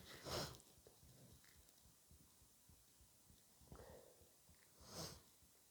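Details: Sneezing and forceful, very snotty nose blowing during a cold: two loud, wet nasal bursts several seconds apart with quiet sniffing between, from a congested nose.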